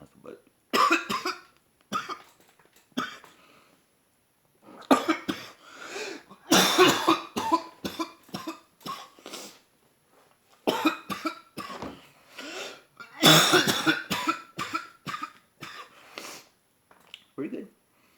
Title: Some good stuff (coughing).